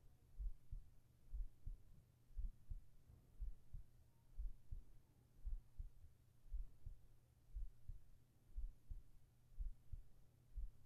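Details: ASMR heart-sound recording for sleep, with whispering: steady, soft low thumps at about 59 beats a minute with a faint hum behind; a regular, slow-normal heartbeat.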